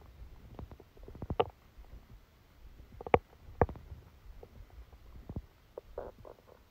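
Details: Soft, irregular gurgles with a few louder pops and squelches from the belly: bowel sounds during a stomachache after Christmas dinner, recorded while the person slept.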